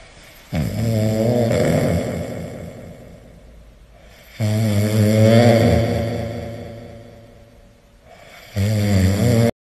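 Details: A sleeping cat snores in regular, buzzing breaths that fade out, about fifteen a minute: snoring.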